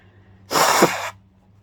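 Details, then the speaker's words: A woman gives one sharp, forceful sneeze with a quick burst of air, triggered by inhaling chhinkni powder, in a video of sneezes and honking nose blows. "here's some honking nose blows so i'll see this video for both uh sneezing fans and um honking and nose blowing fans"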